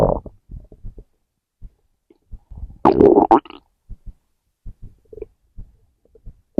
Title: Stomach growl #4